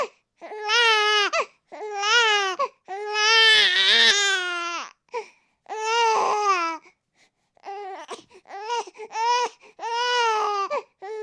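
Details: Repeated high, wailing cries of a baby in bursts with short breaths between them; infant crying from a sound-sample recording.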